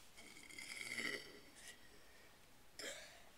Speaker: anyway, I'll just do, like, 1 or 2 burps. And, yeah.